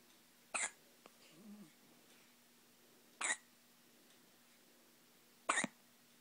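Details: Hiccups: three abrupt, sharp hiccup sounds about every two and a half seconds in a quiet room with a faint hum.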